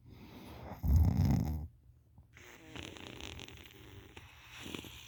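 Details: Wet-sounding snoring from someone passed out on their side with mouth open and drooling: a loud, low, fluttering snore followed by softer, wet, bubbly breathing noises.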